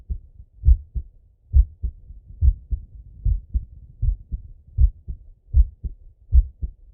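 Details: Male heartbeat and breathing auscultated through a stethoscope: steady paired lub-dub beats at about 77 per minute, clear against a soft background; normal heart sounds.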